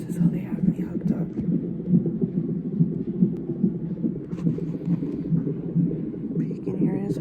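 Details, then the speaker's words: Rapid, rhythmic whooshing thumps, roughly 140 a minute, with some room noise: a baby boy's fetal heartbeat on a monitor during a 30-minute check after reduced fetal movement; heartbeat described as good and strong. "i have to do this now which i have to sit here for 30 minutes to hear his heartbeat"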